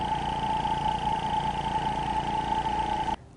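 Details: Portable suction machine running, as used for suctioning secretions from a person's mouth in a training video: steady motor hum with a constant whine, then an abrupt stop.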